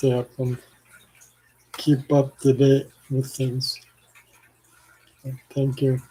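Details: Adult man with ALS, 4 years after diagnosis and 14 years after symptom onset, on blood thinners for blood clots; worsening slurred speech, saliva and phlegm buildup with frequent swallowing, and arm weakness; finding: dysarthria (ALS).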